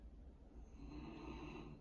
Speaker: So I'm sorry if you can hear my dog snoring. But she's relaxed and she hasn't had alcohol or sugar.